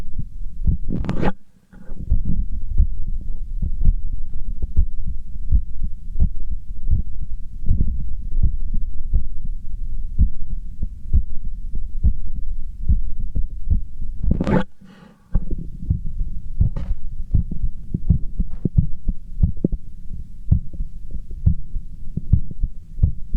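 Fast, strong, regular heartbeat thumps after exercise, with two brief bursts of handling noise.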